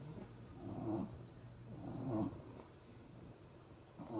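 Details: Soft, rough breathing noises rising and falling about once a second over a low hum; light snoring.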